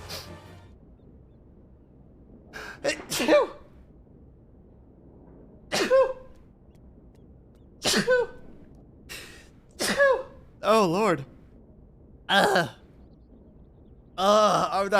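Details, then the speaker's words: Repeated sneezing, about eight sneezes with voiced cries after some, over faint room noise, from a VTuber streamer live on stream, who jokes about being allergic. "oh incoming sneeze [Music] oh my God that might be this last that might be the last sneeze I might have enough sneezes for the compilation"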